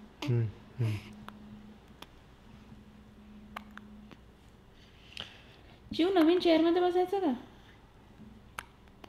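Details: Baby irritated by its own hiccups: two short, abrupt catches of breath, then a brief fussy whine in a quiet room.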